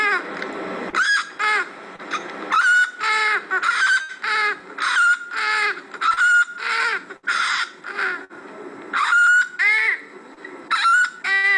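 Infant crying in rapid bursts, with a thin, very high-pitched squeaking noise on each breath: high-pitched glottic stridor from bilateral vocal cord paralysis.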